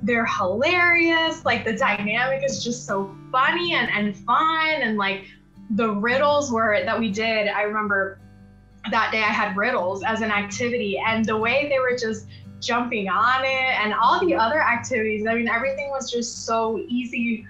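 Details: Adult woman speaking; normal speech.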